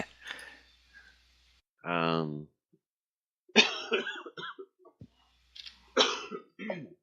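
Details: Adult man with a cold, not on medication, coughs repeatedly in harsh bursts with a voiced, throaty sound between them, a brief coughing fit.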